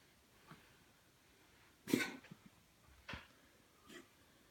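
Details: Cat coughing, recorded by its worried owner for the vet: a few short, harsh expulsive bursts, two louder than the rest, in a quiet room.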